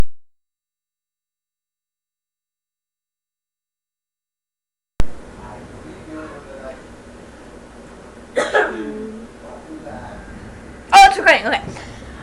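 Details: Deliberate demonstration burps after drinking a beverage: quiet room noise, then two short voiced belches; ordinary burping rather than hiccups.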